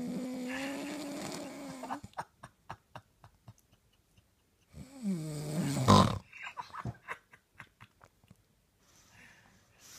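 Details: Exceptionally loud snoring: a long, droning snore with a steady buzzing tone, then fluttering, sputtering breaths and a second snorting snore.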